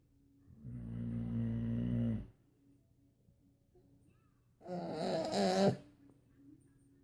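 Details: One-year-old girl mimicking a snoring boxer dog: two loud rumbling snore-like sounds in a quiet room, the dog's snoring mixed with her grunting imitation.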